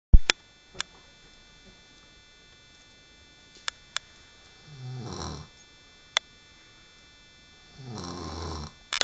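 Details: Woman snoring during sleep: two low, buzzing snores roughly three seconds apart, with scattered clicks in a quiet room; snoring.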